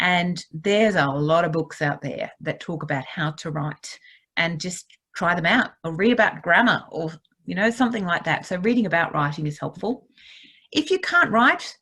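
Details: Adult woman speaking; ordinary speech.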